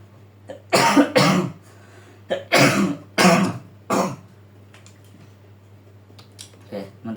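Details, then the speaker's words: Adult man with a current cough, coughing in a run of about six short bursts over a steady low hum between speech. "Maaf saya lagi batuk apabila suara saya lagi agak ee kurang enak ya."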